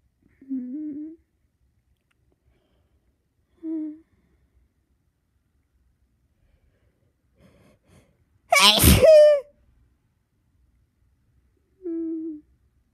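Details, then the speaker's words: Adult sneezing while half-asleep on sleep medication after tickling nose: soft sleepy hums, sharp intake, one loud explosive sneeze, then another quiet hum. "Sneezing. Big sneeze. Big."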